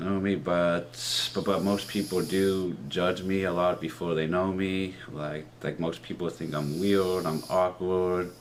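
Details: Stuttering with articulation disorder in a 30-year-old man, present since he began talking as a child, with trouble on R and O sounds; speech therapy in middle and high school; worse with new people and anxiety.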